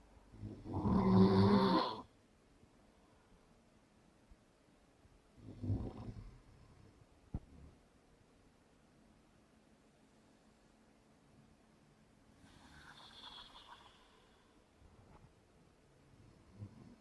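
Slow rough snores at long intervals, a few loud and some fainter, in a quiet room; snoring during sleep.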